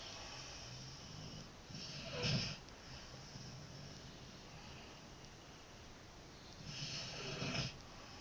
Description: My dog Nikita snoring